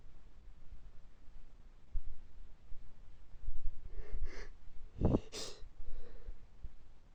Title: stifled allergy sneezing fit